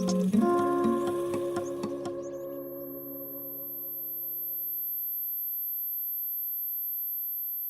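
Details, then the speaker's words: Simulated tinnitus from a website, as in veterans' noise-related hearing disability: a keyboard chord fades out, leaving a steady, very high-pitched ringing tone imitating tinnitus. "that obnoxious ringing sound i found that on a website that simulates tinnitus ringing in the ears that's the most common disability that veterans have when they leave the military"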